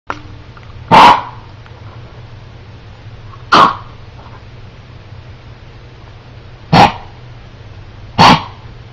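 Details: Dog that woke up with a cough this morning: four short, sharp, separate coughs spaced a few seconds apart, over low room hum.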